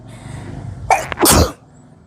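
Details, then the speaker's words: Woman in a sneezing challenge sniffing pungent garam masala: a quick inward breath followed by one sharp, explosive sneeze, then quiet. "एक और आ रही है 8वीं। तो मुझे 8 चीखें आ गई अभी तक गरम मसाले से। बहुत ज़्यादा तीखा है ये, मतलब मेरे से भी ज़्यादा।"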